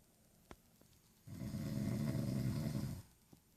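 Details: A single loud, rough, rattling snore lasting nearly two seconds in a quiet room at night, from a sleeping family member; snoring.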